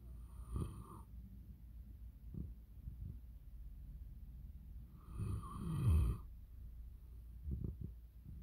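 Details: Sleeping Italian mastiff: low, rumbling snores, two long snoring breaths with soft snuffles between them, over faint room noise; dog snoring.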